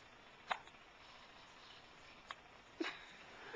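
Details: Hiccups in a 5-week-2-day-old infant boy, recorded on a Flip Video camcorder: three brief, sharp hiccup sounds within a few seconds in a quiet room.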